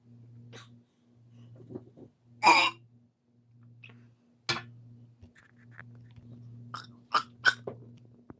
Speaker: which is better for burping warm bottled water or vanilla cream soda